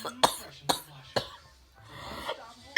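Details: Three short, harsh coughs in a row, then a soft groan: a repeated dry-sounding cough from a person who says they are very sick, just before reluctantly taking cough medicine.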